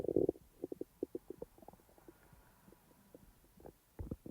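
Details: Real stomach rumbling from the abdomen, recorded when the stomach was active, not in real time: a quick burst of soft gurgling and clicking, then quieter bubbling; normal bowel sounds of ordinary digestion.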